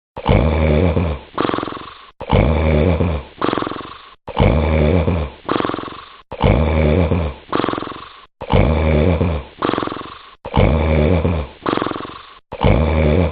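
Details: Loud, rattling snores repeating steadily, each a long rough inward snore followed by a shorter outward one, about 29 per minute, from someone sleeping; heavy snoring.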